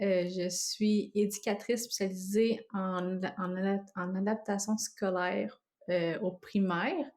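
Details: Stuttering with cluttering in an adult French-speaking woman; she says her cluttering worsens with stress, strong emotion and fatigue and is milder in adulthood.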